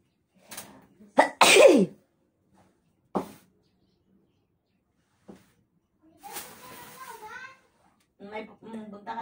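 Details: Allergy sneezing: two sharp, explosive sneezes, then short bursts and quiet talk in a small room.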